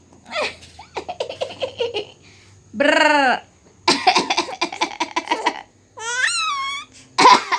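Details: Infant giggling and squealing, with a few short, harsh cough-like bursts mixed in at the start and end; the cough sounds harmless.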